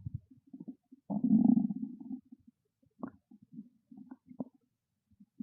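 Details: Hungry stomach growling: low gurgling rumble followed by short bubbling pops and squeaks; normal bowel sounds (borborygmi).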